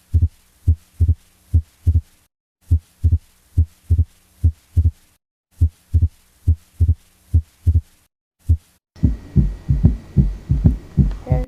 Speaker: This sound is produced when there is Fixed Wide Splitting of S2 Heart Sounds